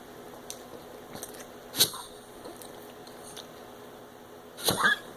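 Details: Pug coughing as if trying to bring something up, cause not found by several vets: two sharp, harsh hacking coughs in a quiet room.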